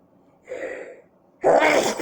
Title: These sneezes did nothing to relive the tickle in my nose